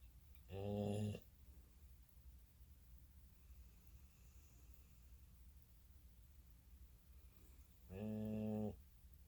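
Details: Two long, buzzing, low-pitched snores about seven seconds apart with quiet breathing between, in a small room.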